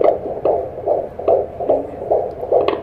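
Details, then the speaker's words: Fetal heartbeat heard on Doppler at 17 weeks of pregnancy during a doctor's visit: rapid, regular whooshing pulses at about 149 beats per minute, described as a strong heartbeat. "yan Oh that's a baby's heartbeat Wow ang lakas ng heartbeat niya marinig niyo ba yun"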